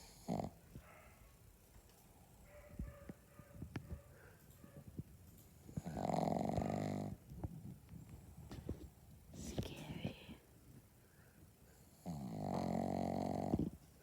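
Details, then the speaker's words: Sleeping pet ("furry boy") snoring: two loud, rough, droning snores about six seconds apart, with quieter snuffling and clicks between them. "That's how my son snores. Scary snore. That's how my baby snores."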